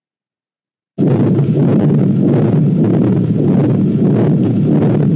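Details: Continuous, harsh machinery murmur of patent ductus arteriosus on heart auscultation, presented as a teaching example in congenital heart disease screening.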